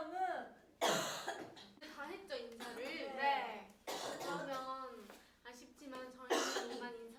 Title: lovelys coughing